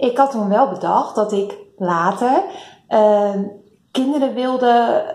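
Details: 38-year-old woman who stutters, a condition she has found difficult since school and still does; stuttering.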